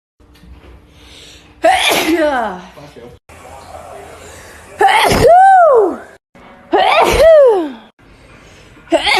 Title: female tiktok sneeze 175